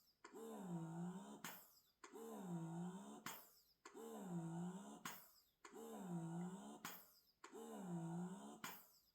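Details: Yui E20 wearable breast pump on its highest setting during noise testing: a regular hum that bends in pitch, with a click about every two seconds; average 39 dB, maximum 57.8 dB.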